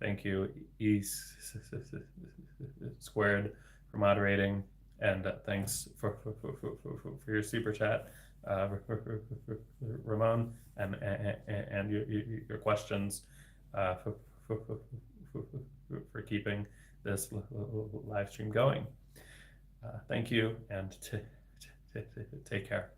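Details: Adult man, a speech-language pathologist, who has stuttered since about age 8–9, reading a viewer's message aloud on a livestream, with sound and word repetitions; stuttering.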